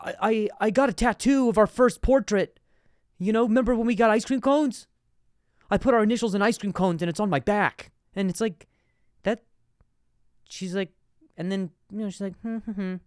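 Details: Stuttering in an adult male; he reports difficulty saying certain words on some days.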